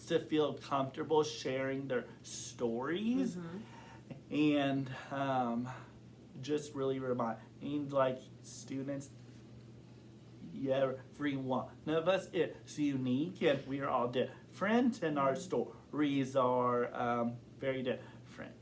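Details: Adult man who has stuttered since kindergarten and reports blocks and severity that varies over time; stuttering.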